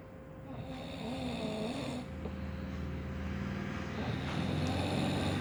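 Steady low droning snore heard against loud background noise that sounds like traffic and a hum.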